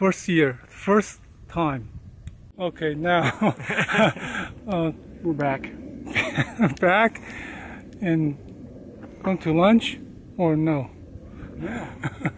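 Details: Vlogger with aphasia following a stroke, own speech; aphasia.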